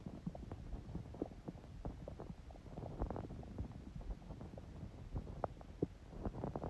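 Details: Stomach sounds on a day with smoothie breakfast and salad, owner noting her stomach stayed quiet even when hungry: soft, frequent, steady gurgles and pops from the belly; ordinary bowel sounds of digestion.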